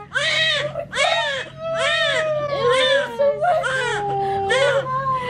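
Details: Repeated loud, rising-and-falling cries with short gasping pauses from a newborn girl just after an unmedicated vaginal birth at 39 weeks; a vigorous normal newborn cry.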